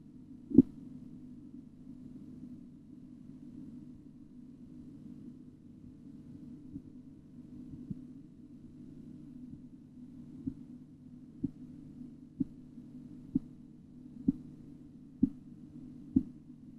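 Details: Steady low hum, then regular sharp taps emerging at about 63 a minute during cuff deflation in an auscultatory blood pressure measurement: Korotkoff sounds.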